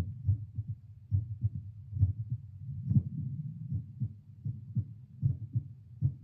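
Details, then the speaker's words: A seated adult at resting baseline after about two cups of coffee, heard through a Littmann CORE stethoscope played to a speaker: steady low thumping around 75–78 bpm with slight background hiss. Normal resting heartbeat. "Okay, so I'm hanging around 78. Fluctuates a little bit, but you know, as you do, hanging around 78."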